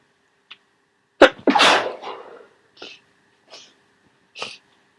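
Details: Messy wet sneeze from a cold, woke up sneezing and congested: forceful sneeze with a harsh spray of sound, followed by sniffs.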